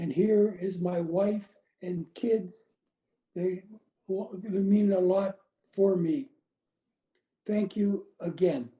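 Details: Adult woman with chronic aphasia after a gunshot wound to the head in January 2011; she reports the words are in her brain but she cannot get them out; non-fluent aphasia.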